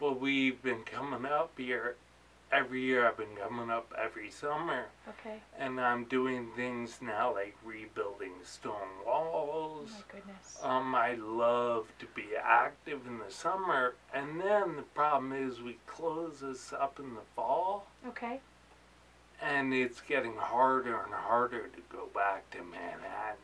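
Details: Adult man with ataxia, a cerebellar disease diagnosed about four years earlier; articulating takes him energy, worse toward evening, and he slurs when excited; ataxic dysarthria.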